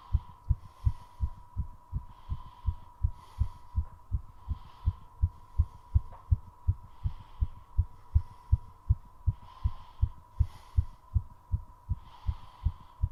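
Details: Fast heartbeat at about 160 a minute with breathing sounds, during recovery after a 3.5-minute squat challenge; the heart was deliberately driven as fast as possible.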